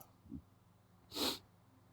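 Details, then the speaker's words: Adult male, hitchy sneezes: a quick catching breath in, then a single loud, sharp, hissing sneeze. "that was loud. I wish you could see these."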